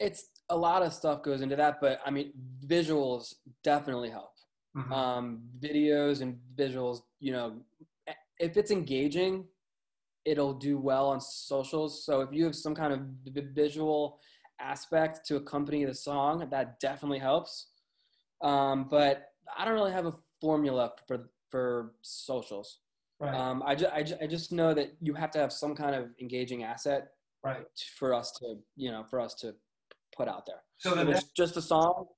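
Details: Man with a lifelong stutter, with word and phrase repetitions: stuttering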